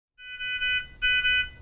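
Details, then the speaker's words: Nonin PalmSAT 2500/2500A handheld pulse oximeter: two bursts of a shrill pulsing alarm tone, an alert that can be silenced with the on/off button and needs the clinician or technical support notified. "other alarms may occur on the oximeter you can silence the audible alarm with the on off button immediately notify your clinician or technical support contact"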